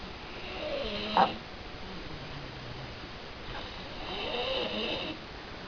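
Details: Two rough, rattly inhaled snores several seconds apart, one with a brief frog-like croaking catch, from a man sleeping while ill with flu; loud snoring.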